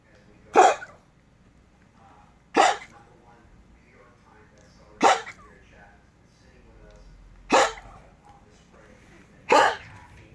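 A dog gives five sharp, single coughs spaced about two seconds apart, with faint background voices.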